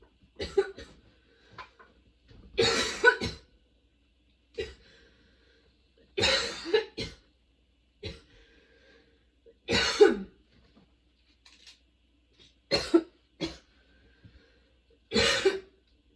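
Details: Sudden-onset, nonstop, worsening coughing fit bringing tears and frequent position changes: harsh coughing bursts about every three seconds with short gasping breaths between; a prolonged coughing fit.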